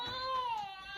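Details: Infant crying after feeding, caregiver unsure what's wrong: a sustained, high-pitched cry with a slowly falling wail, in a small room.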